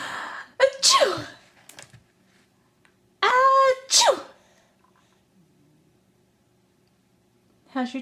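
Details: Young child imitating his mother's sneeze on request: two short voiced bursts, imitation (not real) sneezes, with adult talk between.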